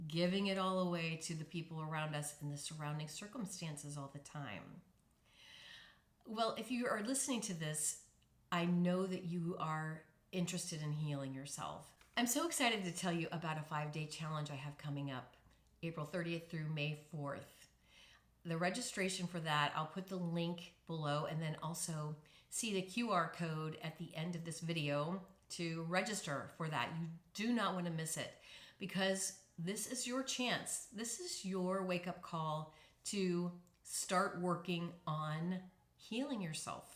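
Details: Adult woman speaking; recovered voice, no current voice disorder.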